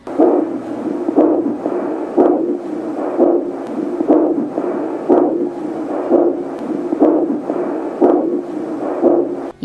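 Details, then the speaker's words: Cofoe 100S5 fetal Doppler on a pregnant woman's abdomen: regular whooshing pulses about 60 a minute, in rhythm with the mother's heartbeat; device typically reads about 70. Maternal abdominal aortic pulse, not fetal heartbeat. "腹部动脉节奏和妈妈的心跳一"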